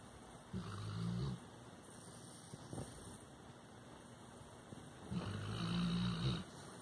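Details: Two low, rumbling snores on the in-breath, about four seconds apart, with soft room noise between, from a sleeping Labrador Retriever dog; ordinary snoring.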